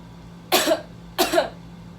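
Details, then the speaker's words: Student nurse demonstrating postoperative deep breathing and coughing exercise, pillow held against incision: deep breath through nose then two firm deliberate coughs in quick succession to help clear the lungs. "Then again, I would like you to take a deep breath through your nose and cough 2 times in a row. So this is how it looks"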